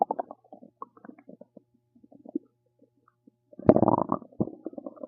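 Soft gurgling and bubbling, then a louder, longer rumbling gurgle, from ordinary stomach and bowel gas movement.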